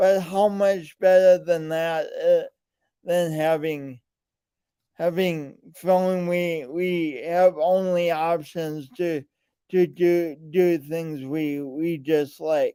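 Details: Man with a speech impediment present since birth and still ongoing, alongside lifelong coordination differences; speech impediment with word repetitions.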